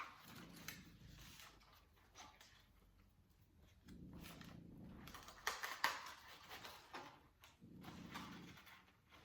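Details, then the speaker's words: Soft, low rumbling snores about every four seconds from Bruno, a dog snoring in the room, which stop when his name is mentioned. "Yeah. Oh, can you hear Bruno snoring? Oh, he stopped now because he's heard his name mentioned."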